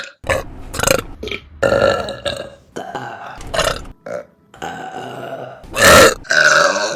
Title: Burping Compilation July #2 | RBC